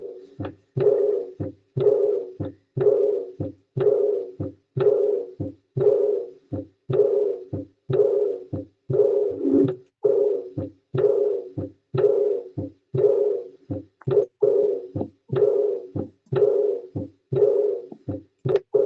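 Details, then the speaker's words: Recorded heart sounds in an auscultation teaching session: regular heartbeat about 60 a minute with an altered, doubled second heart sound, the abnormality lying in R2. "R2. Sí, del R2. Exacto. Era del R2."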